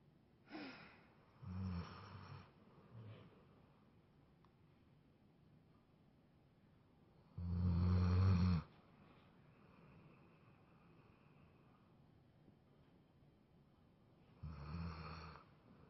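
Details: Tired Labrador dog snoring during a mid-morning nap: low rumbling snores spaced several seconds apart with quiet breathing between, in a quiet room.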